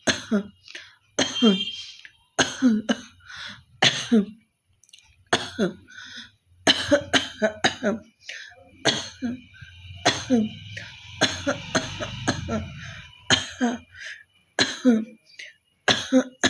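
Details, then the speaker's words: Acted coughing challenge by an adult woman who says she has a bit of a cough: about a dozen forced coughs and throat-clearing bursts with brief vocal sounds between, small room. "তো একটু ভালো কাশি কাশি হয়েছে, তো চলো ভাবলো কক চ্যালেঞ্জটা করাই যাক।"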